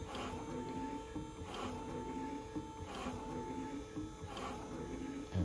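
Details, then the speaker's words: Bag-valve emergency ventilator (cam-driven "raft pump" prototype, piston on BVM with mask, duckbill valve opening each stroke) cycling at roughly 40 breaths per minute: rhythmic mechanical pump strokes over a steady motor hum. "So roughly 40 breaths per minute, which is really fast. You can imagine breathing that quickly."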